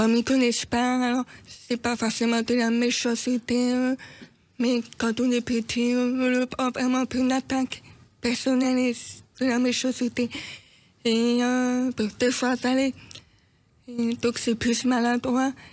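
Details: Deaf woman speaking French; she says she cannot fully hear herself to correct her voice and pronunciation; deaf speech.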